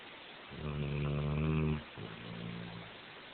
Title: Cow snores